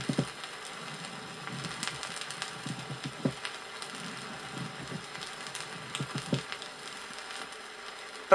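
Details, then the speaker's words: Soft, scratchy crackling with each breath over the chest, on a 1961 Soviet teaching record on pleurisy. It is a gentle pleural friction rub, heard on inspiration and expiration, as in dry pleurisy, early exudative pleurisy or resolving effusion. "шум трения плевры также выслушивается в начале экссудативного плеврита и при рассасывании плевральной жидкости прослушайте нежный шум трения плевры"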